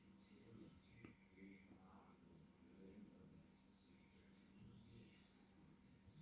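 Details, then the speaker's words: A person deliberately counting out ten hiccups: a single abrupt, brief gulping click against faint room noise and low murmuring, one hiccup. "I have hiccups. 1. I'm going to do 10 hiccups."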